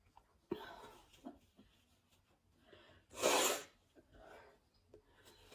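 Sniffling and breathy intakes build to one loud sneeze, with more sniffs after, in a person with a cold.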